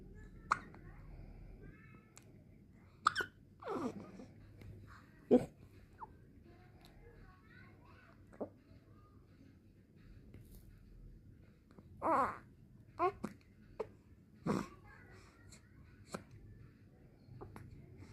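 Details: Newborn baby girl with soft, sharp little hiccups recurring every few seconds in a quiet room; newborn hiccups.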